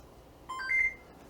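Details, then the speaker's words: Short rising two-tone chime from a heated high-flow nasal cannula device (AIRVO 2) after the mode button is held five seconds, confirming its switch from adult to junior (paediatric) mode while warming up at 30 degrees. "now you'll see it chimes and then shows you that it's now in junior mode"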